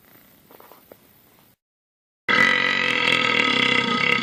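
After a brief pause comes a long, loud, rumbling burp lasting about two seconds, with a few soft sounds before it.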